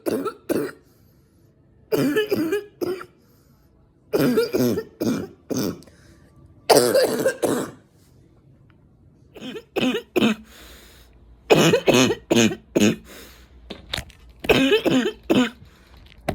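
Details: Adult smoker with winter allergies: repeated deep, harsh coughs in short bursts, barking chesty coughs rattling through the chest, with some throat clearing.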